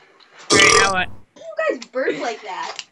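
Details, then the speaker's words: Gamer burping: one short, loud belch followed by brief voiced sounds. "I don't get how he burps like that. It's an instinct. What did you drink, a cow?"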